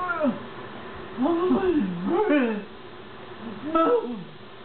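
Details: Woman with dystonia (DRD) during a dystonia attack affecting face, jaw, tongue, neck, arms and upper torso, with speech badly affected; attacks last minutes up to about 7-8 minutes; dysarthric vocalization during dystonia attack.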